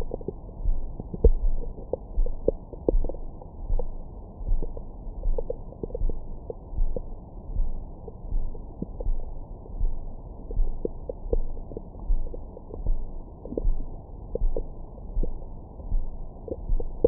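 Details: Recorded with a Stemoscope stethoscope microphone on the belly after a large meal: soft low rumbling with scattered faint clicks and gurgles, bowel sounds.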